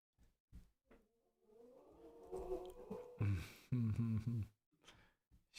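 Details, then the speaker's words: An old female dog sleeping nearby during a podcast recording: short low snorts, then a drawn-out nasal whine and deep, rattling, buzzing breaths. Snoring. "Do you guys hear the the dog snoring? It's already 10 o'clock. Usually I'm already done with this."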